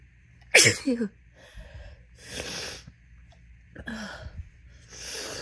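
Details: Induced sneezing in someone whose nose had itched all day: one sharp, wet, messy sneeze, then sniffing and breathy exhalations and a second smaller sneeze-like burst.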